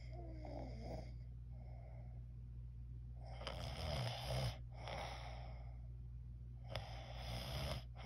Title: My Snore